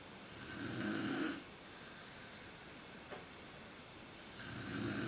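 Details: Mother snoring in the dark, worst at sleep onset, recorded on a PowerShot SX130 IS camera: low rasping inspiratory snore fading then restarting over steady hum.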